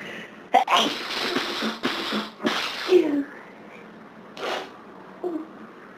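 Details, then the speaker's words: Hay fever sneezing fit on a severe hay fever summer day, the sneezer unable to stop. A rapid run of about five or six explosive sneezes with short gasps between. "They're just pouring out of me now. You. Oh, God. Can't stop."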